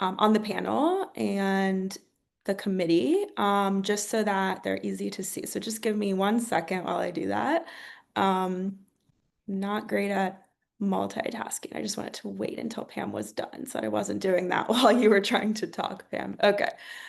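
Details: Adult woman; normal speech.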